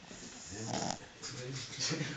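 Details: Coco, a 3-month-old Boston terrier puppy, sleeping: noisy, rattling breaths in and out with a snorting quality; snoring.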